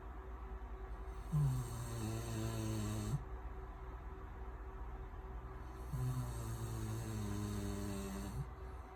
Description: Anatolian Shepherd snoring